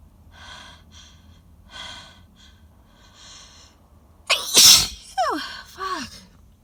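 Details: Sneezing fit in a car, described as loud, wet, intense; congested nose, pollen-provoked; hitching breaths build to one loud explosive sneeze, then falling vocal squeals; allergic sneezing.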